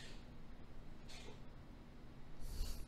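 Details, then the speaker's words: Pet cat reverse sneezing: faint, rapid snorting inhalations heard against quiet room noise while the owner asks if the cat is all right. "and the cat is reverse sneezing if you can hear that you all right binks"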